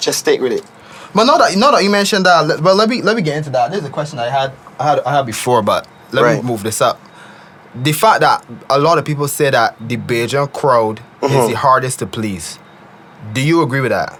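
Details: Adult man speaking; ordinary speech.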